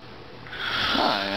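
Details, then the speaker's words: A single loud, rough snore building over about a second from an adult man asleep who has severe obstructive sleep apnea, later complicated by congestive heart failure and treated with CPAP; snoring. "Cody Myers, and this is my father snoring."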